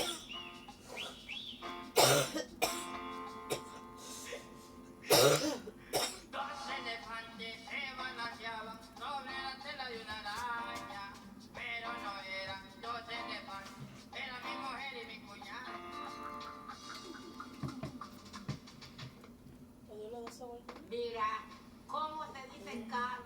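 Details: Two sharp, loud coughs from an adult woman, heard early over background music and voices.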